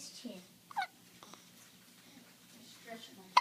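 Soft room noise with a few brief, abrupt catch-like sounds spaced irregularly, consistent with hiccups.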